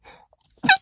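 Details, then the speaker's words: Stifled sneeze by an adult sitting in a car who holds the nose when sneezing: a faint intake, then one brief, high, squeaky burst. "I'm sorry, y'all. I hold my nose whenever I sneeze. Did you hear that?"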